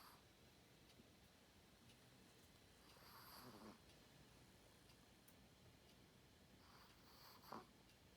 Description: Tiny 4 pound chihuahua snoring like a pig!